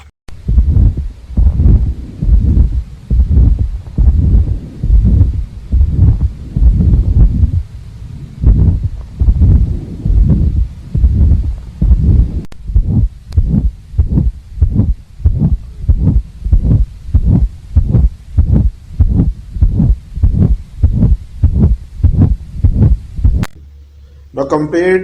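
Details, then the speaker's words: Auscultation of pulmonic stenosis: regular heartbeat near 95 a minute with harsh mid-systolic murmur, louder on inspiration from increased venous return, extending past A2 to P2; pulmonic stenosis murmur. "also the murmur demonstrates increased intensity during inspiration due to increased venous return to the heart resulting in greater flow across pulmonic valve"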